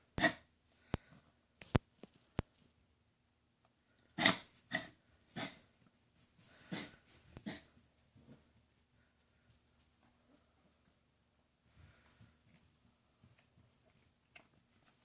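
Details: A pet gives a series of harsh, dry cough bursts, several in a quick cluster, then quiets down: coughing.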